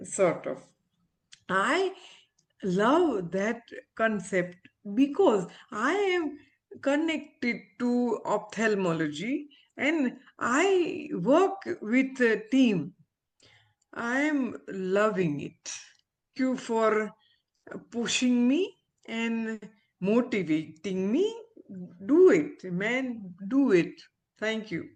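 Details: Aphasia after stroke in an adult female ophthalmologist recovering speech with speech-language pathologists; she reports communication still hinders her; real patient.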